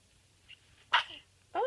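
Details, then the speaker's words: A single big sneeze from a probable dog just waking in the morning: a small faint puff, then one sharp explosive burst of air with a short tail. "big sneeze."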